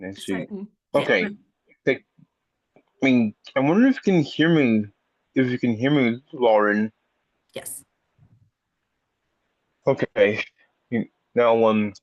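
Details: Person who stutters and has had speech therapy for the speech impediment, speaking with many repetitions and revisions; stuttering.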